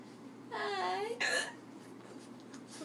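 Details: Hiccups after a night out: a voiced, gliding squeak followed by a sharp catch, like a hiccup breaking through a vocal sound, over light room noise.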